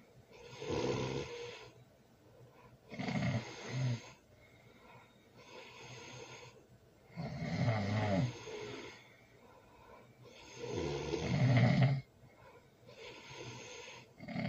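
Loud, rough snoring on each in-breath, about 16 breaths a minute, with quieter out-breaths between.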